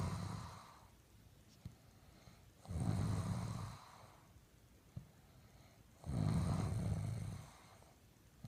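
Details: Low, rumbling snores on each breath in, about three in eight seconds, with quiet breaths out between; snoring during sleep.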